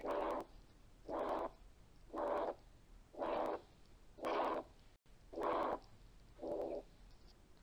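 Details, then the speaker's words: Pediatric cardiology auscultation teaching example: regular heart cycles about 57 a minute with a whooshing systolic sound (to be ignored) and a very soft second heart sound, a clearly decreased (weak) S2. "نسمع المثال التاني ده تاني، ده اللي فيه ديكريز S2 واضح قوي."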